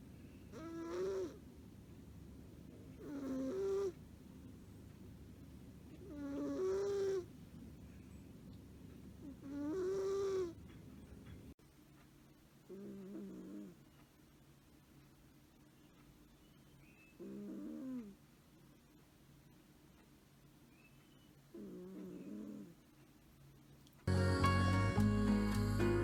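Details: Exotic Shorthair cat snoring with rhythmic, rattling, tonal sounds on each breath, separated by quiet pauses.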